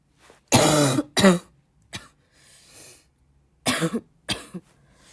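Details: Two pairs of harsh coughs with throat clearing between; repeated dry-sounding coughing, the cougher feeling that more coughing brings more urge to cough.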